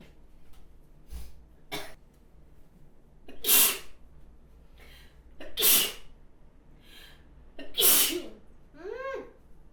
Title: sneezing 7 (Sample, HD Quality)